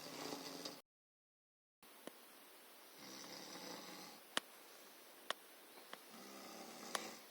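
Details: A sister's light snoring during sleep: soft raspy breathing noises with a few sharp clicks in a quiet room.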